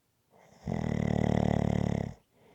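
A single loud, rattling snore on an inward breath, lasting about a second and a half, with quiet breathing before and after.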